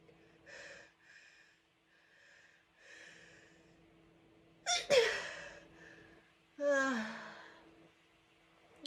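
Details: A small bunch of powerful, exhausting sneezes, leaving dizziness and a sore throat afterward; sneezing.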